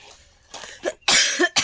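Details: A few harsh, forceful coughs after a brief soft sound. Persistent cough that has not healed despite medication; the person reports being short of breath for several days and has only just been able to speak.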